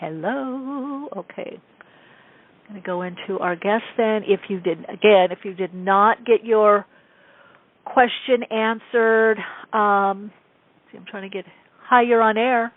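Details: Adult woman speaking; normal speech.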